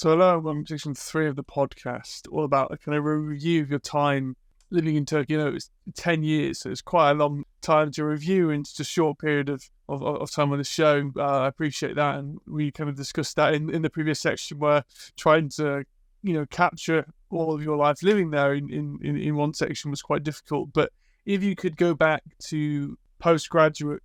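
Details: Adult male speaker; typical speech.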